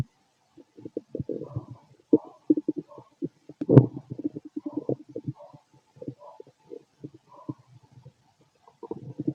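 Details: Stethoscope auscultation of the abdomen of a fit adult male: bursts of bubbly gurgling and rumbling, active bowel sounds, ordinary stomach growling.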